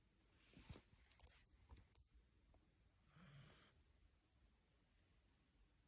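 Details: Sleeping puppy snoring "like an old man": low rumbling snore with a noisy breath and brief snorts; ordinary snoring.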